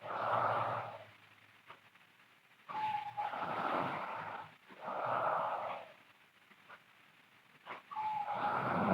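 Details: Sleeping girl snoring loudly: harsh, whistling breaths with brief squeaky tones, repeating with each breath.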